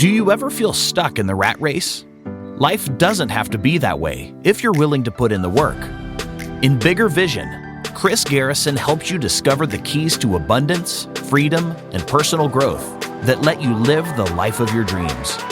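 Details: Adult male announcer; normal voice.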